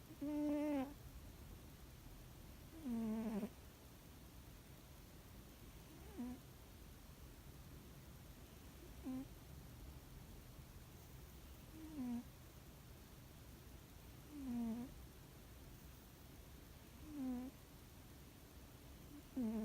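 Short squeaky, whistling notes repeat with the breaths, about 23 a minute, over a steady hiss: a sleeping cat snoring.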